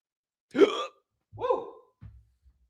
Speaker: That was a hiccup. Can you guys hear that hiccup?